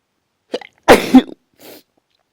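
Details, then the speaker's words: A short intake of breath, then one forceful voiced sneeze and softer exhalation, during a run of strong repeated sneezes. "Can't stop. Fuck. Wish I could stop. So strong."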